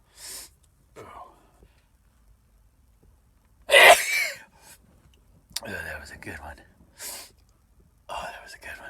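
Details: Several short sneezes and breathy bursts in a row, one louder than the rest, with quiet gaps; repeated sneezing.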